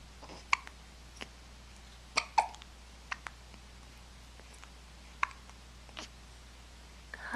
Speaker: Everyone have the hiccups?